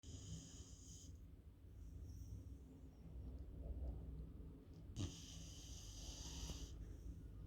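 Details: Low, rumbling, steady, unlabored snore from a Beagle sleeping on a sofa; ordinary sleep snoring.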